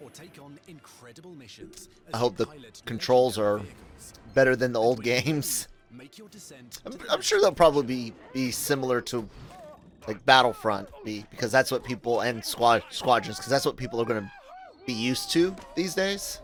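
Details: Adult male podcast host with a self-reported stutter, speaking spontaneously; stuttering.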